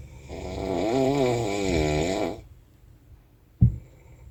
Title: Snoring on Anapa Train ©20220703